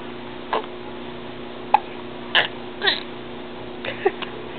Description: Our little 6 week old boy who gets really violent hiccups! Poor baby! I feel so bad for him!